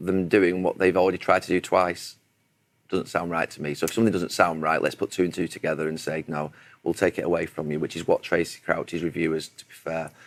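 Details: Adult male speaker; ordinary speech.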